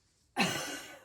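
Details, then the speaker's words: Simulated nursing teaching of pre- or post-operative deep breathing and splinted coughing: after deep breaths, the patient gives one strong, deep, deliberate cough. "Take deep breaths for 3 seconds, and then you're going to cough out 3 short times. You're going to ask your patient to take a quick deep breath through her mouth and strongly and deeply cough again"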